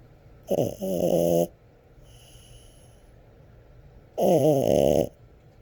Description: French Bull Dog snores video #1